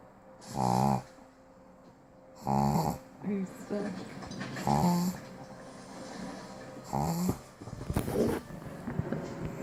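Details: Snoring from a pregnant pug: bursts of snorting, rattling breath noise with short pauses between them in a small flat-faced dog.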